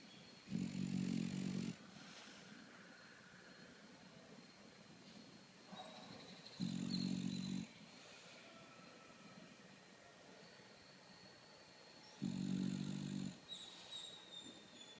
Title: Snore away...